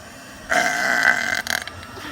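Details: Deliberate burp on request while dancing: a single sustained croaky belch of about one second that breaks up at the end.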